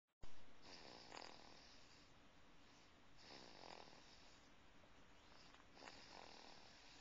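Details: Snoring during sleep recorded with a Flip Video camcorder: soft, regular rasping breaths, about 20 a minute, with a steady background hiss; quiet snoring.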